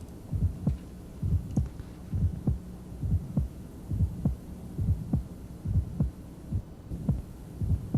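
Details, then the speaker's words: Ejection sound (ejection click) at the apex, left lateral decubitus: regular heartbeat near 67/min with a crisp high-frequency extra sound near S1, occurring after the QRS. It has a cadence like a fourth heart sound and is best heard with the diaphragm. "you'll note the cadence is very similar but it's a high frequency sound and if you watch the QRS the extra sound occurs after the curious"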